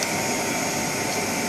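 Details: Cough assist machine for a child patient, set to manual mode during a pressure check (exhale 40, inhale 20) before the mask is attached: steady whooshing motor and airflow noise while the device runs.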